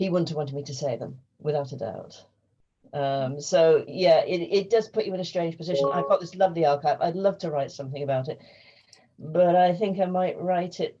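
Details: Adult speaker; unaffected speaker.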